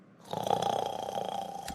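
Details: Simulated snore, an animation sound effect: one drawn-out, rattling, buzzing breath sound; snoring.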